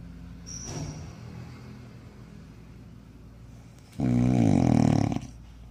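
A quiet breath followed by one loud, deep, rumbling snore on inhaling. Heavy snoring.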